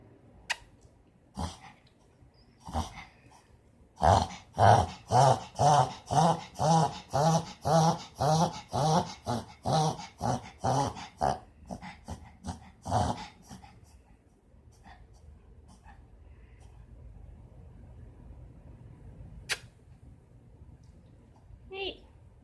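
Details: A dog has a reverse sneezing episode: a run of rapid, loud, snorting inward gasps.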